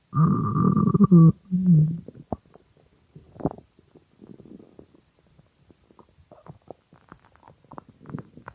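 A deep drawn-out growl followed by scattered small gurgles and pops, ordinary hungry stomach rumbling; normal bowel sounds.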